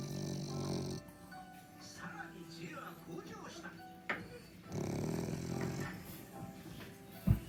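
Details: French bulldog snoring while half awake, eyes opening: two loud, low, rattling snores about four seconds apart over soft background music; heavy snoring.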